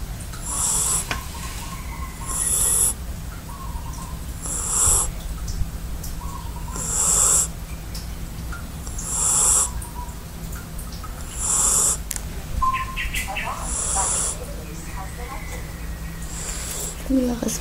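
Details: 4-month-old Belgian crossbreed dog snoring: regular snores with a hissing, whistling edge, about 13 a minute, over a steady low room hum.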